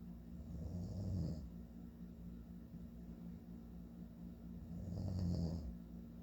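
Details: Father snoring in sleep: two low rumbling inhaled snores about four seconds apart, roughly 15 breaths a minute, over steady room hum; ordinary snoring.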